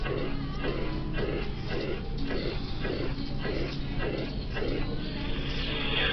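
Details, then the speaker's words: Mitral regurgitation murmur at the apex: regular heartbeats at about 100 a minute with a steady, uniform holosystolic blowing murmur between them. "I hope you agree that it is occurring during systole. It is uniform, crescendo decrescendo, or decrescendo. This is a uniform murmur, also known as holosystolic."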